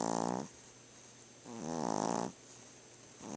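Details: Dog snoring while asleep: slow rhythmic rattling snores, about two breaths over a few seconds with quiet pauses between.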